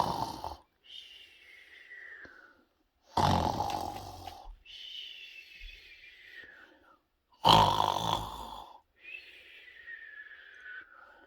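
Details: Loud rough snores on each breath in, about 14 per minute, with soft whistling tones on each breath out in a quiet room; snoring.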